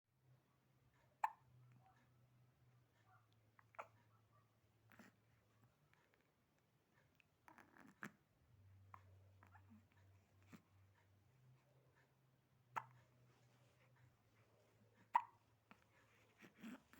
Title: Baby Hiccup // Baby moments. #babies #moments #short #newborn